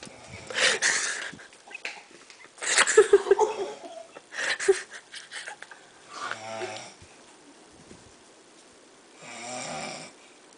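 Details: A person snoring irregularly, with rattling, whistly breath sounds on inhalation and some low buzzing snores.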